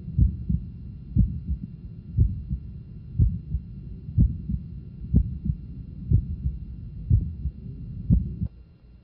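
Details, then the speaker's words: Healthy all-pro NFL football player, stethoscope at lower left sternal border pressed firmly: slow athlete's heartbeat near 60 a minute, split first and second sounds, soft early systolic innocent murmur. "Our first was all-pro, healthy, and had innocent murmurs. His heart rate is slow, typical of conditioned athletes."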